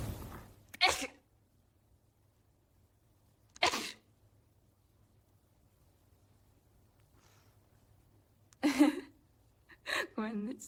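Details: AI-generated (Sora2) clip: four separate sharp, explosive sneezes, the last followed by a short vocal sound, in a quiet room; sneezing.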